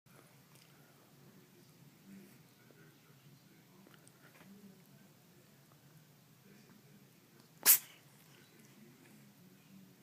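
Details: A cat gives a single short, sharp sneeze in an otherwise quiet room.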